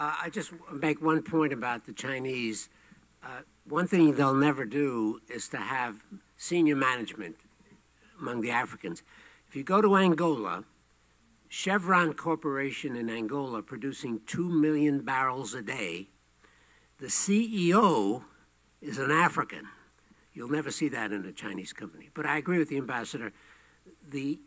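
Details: Adult male speaker; normal voice.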